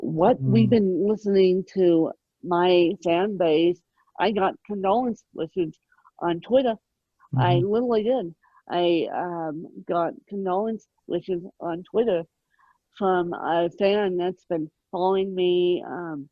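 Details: Adult woman with moderate, mid-spectrum ataxic cerebral palsy present since birth, needing 24-hour care; ataxic dysarthria (cerebral palsy).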